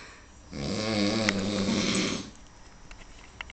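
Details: Drunken snoring by a flatmate, recorded in Ireland: one long, loud, rattling snore on an inward breath with a low vibrating buzz.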